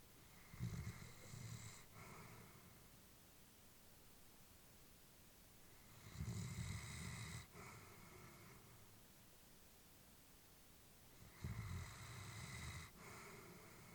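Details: Elderly female Labrador, about whom the family was worried, sleeping peacefully: soft, low snoring breaths, about five a minute, with quiet pauses and faint background hiss. Snoring during sleep.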